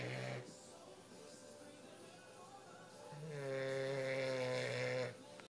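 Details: Sleeping English bulldog snoring: a brief snort, a pause, then a long, loud, buzzy tonal rattle on the in-breath.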